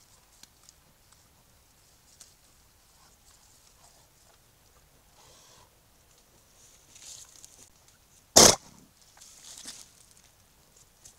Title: Eating and sneezing